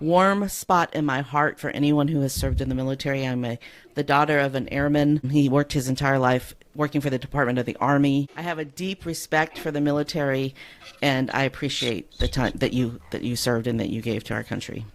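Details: Adult woman speaking; Normal speech.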